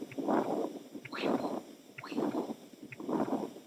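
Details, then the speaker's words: Veterinary cardiac auscultation: continuous machinery murmur heard best toward the heart base, rushing and swelling each beat with little fading between, typical of puppies with congenital patent ductus arteriosus. "son los mentales soplo continuo sitio escuchamos más hacia la base del corazón"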